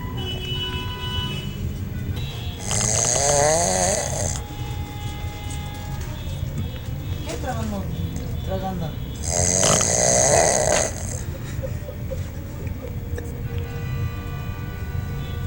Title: roncando chistoso borracho